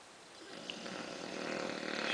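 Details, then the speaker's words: Tired bulldog sleeping laid out after a rough day, tongue hanging out: long, harsh, rasping in-breath building in loudness; very loud snoring that drowns out the TV. "Kind of hard to hear the TV over this, but it is comforting to know that she's here."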